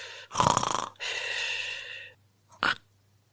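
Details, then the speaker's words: Imitated snoring with obstructive sleep apnea, demonstrated by a sleep doctor: a rough snoring snort and breath, a brief silent apneic gap, then a sudden snort as snoring resumes. "and then there's going to be at the end of it that's an apnea. So that quiet that you hear during the snoring that's an apnea and it's really all about moving air."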